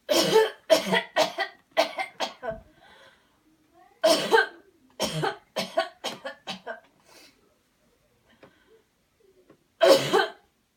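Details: Deliberate airway-clearance coughing technique after guided counted deep breathing: three runs of repeated forceful coughs, about fourteen in all, with a pause and breath between runs.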